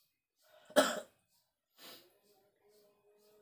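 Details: Cough in an adult man unwell with a chill, aches and a cold during rainy weather, at dawn during kerokan skin scraping by his wife: a single harsh cough burst followed by a softer second one in a quiet room.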